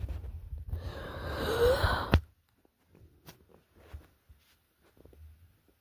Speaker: Got the hiccups again. God damn it.